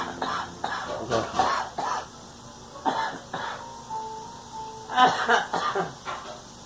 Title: Girl coughing